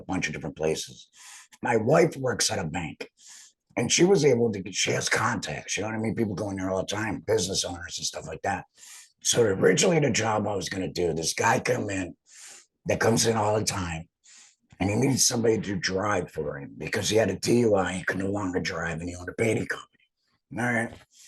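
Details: Adult male, total laryngectomy about two and a half years earlier for cancer treated with chemotherapy and radiation, uses an HME; stoma hurts after heavy talking; alaryngeal speech after total laryngectomy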